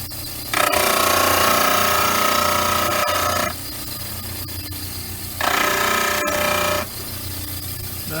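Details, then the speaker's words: Two bursts of loud grinding over steady motor hum as a stone upper study model is trimmed at the front angles, central incisor to canine on both sides, on a model trimmer. "and these two angles are basically like you think of it going from the central incisor to the canine on both"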